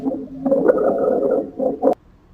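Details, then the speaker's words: Lung auscultation example of rhonchi: low-pitched, deep, rumbling continuous sounds during breathing from secretions in the larger airways, described as clearing with coughing. "roncai think of a rhino and they make some low pitched deep sounds this one's continuous too but made clear with coughing let's listen"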